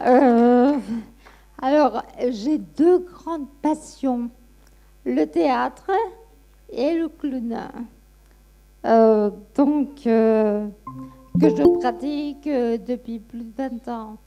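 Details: Ataxic dysarthria in an adult woman with Friedreich ataxia who reports a weak voice and receives speech therapy.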